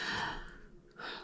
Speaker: oh I'm very very sorry about that noise that was my dog